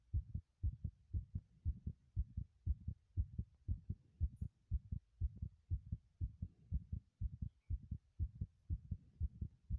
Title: heartbeat sounds while running in the bathroom ASMR